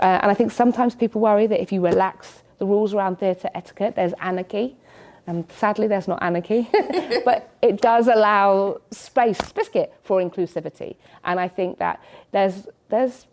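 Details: Adult woman with Tourette syndrome: involuntary vocal tics such as 'biscuit' occurring during her speech; she also has chest-pounding motor tics.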